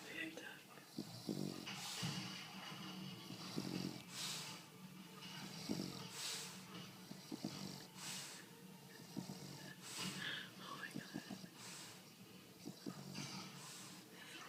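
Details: Sleeping female bulldog snoring: repeated snorting, noisy breaths about every two seconds, around 28 a minute, over some room noise.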